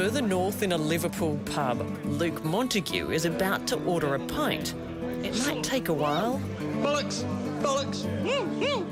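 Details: Adult narrator; typical speech.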